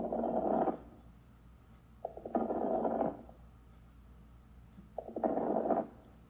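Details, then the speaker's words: Recorded breath sounds with brief popping, rice-crispy-like crackles at the start of each breath, not clearing with cough, from fluid in small airways/alveoli as in pulmonary edema, CHF, pneumonia; crackles (rales). "so it almost sounds like like a popping sound um kind of a rice crispy sound however you want to describe it but always remember crackles do not clear with a cough they are caused by fluid that is collected in the small Airways the alvioli"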